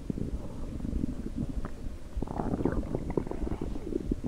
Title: Stomach rumbles compilation